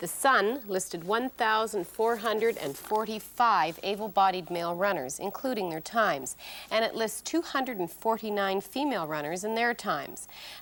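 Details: Adult female narrator; ordinary speech.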